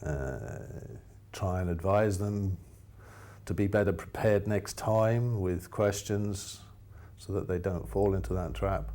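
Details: Adult man speaking; ordinary speech.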